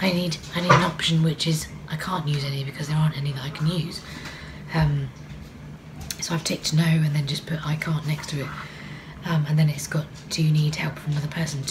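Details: Adult woman with vocal cord paralysis, which she says can be heard, for which she takes no medication: vocal cord paralysis (breathy dysphonia).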